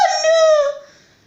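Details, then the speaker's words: Vocal tic in a person with Tourette's waiting in hospital for an ERCP procedure: involuntary shouted "I don't want to die!" which the speaker says they don't believe. "I don't want to die! Obviously, I don't believe I'm going to die, but my Tourette's does."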